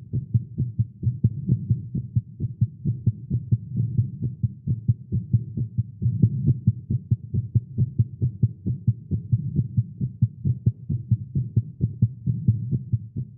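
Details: Male heartbeat recorded live after exercise and caffeine: rapid, steady thumping at about 130 beats a minute, tachycardia (tagged irregular heartbeat).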